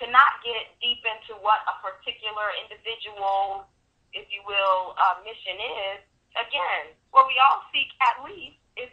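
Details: Adult speaker, telephone-quality audio; ordinary speech.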